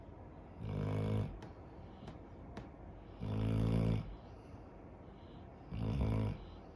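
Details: Loud, rumbling snores, three in under seven seconds at a slow steady pace, from a sleeping 11-year-old female dog, over soft background noise.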